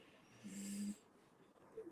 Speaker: There's some snoring going on. Doggy dog. Hear it. Oi, stop snoring. I just moved him out of the way because he was snoring, and he's still snoring.